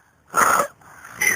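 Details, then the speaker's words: Snoring recorded during a camping trip at about 4:10 a.m.: a harsh, raspy breath noise lasting about a third of a second, then quieter breathing and the start of another snore. "Bueno aquí los ronquidos de la acampada de los medeles a las 4 men 10 de la mañana"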